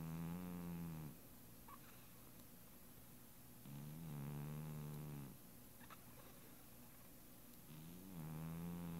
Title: Miss Kitty: Snoring